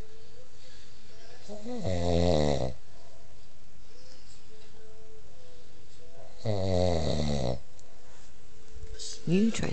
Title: my adorable snoring husband.